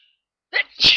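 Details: Sneezes attempted on holiday in the snow, described as not a great success: a brief indrawn build-up, then one loud, hissing sneeze; sneeze.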